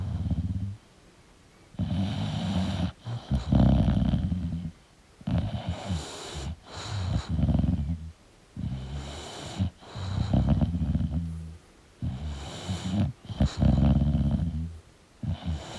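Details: Sleeping English Bulldog: loud, rattling snores about 17 a minute, uneven in length and strength; snoring.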